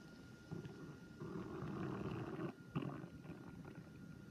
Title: Listen can you hear is your stomach growling